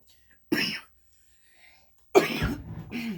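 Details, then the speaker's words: Two short, sharp coughs from an adult woman, the second trailing into brief voicing, in a quiet room; she says she keeps coughing but is not sick. "I'm sorry I keep coughing you guys I'm not sick"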